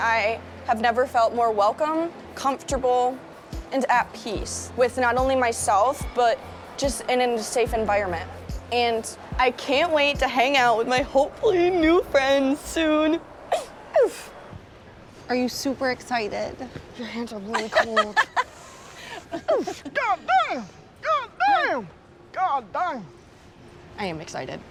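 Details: Woman with Tourette syndrome producing vocal tics with coprolalia (cursing) while speaking publicly on a panel at a Tourette convention.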